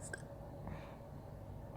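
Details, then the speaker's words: A voice actor's own real hiccup: a single soft, muffled hiccup without a squeak, described as sometimes not even squeaking, over quiet low room hum. "to capture what my hiccups do like it's not even squeak sometimes it's just hey"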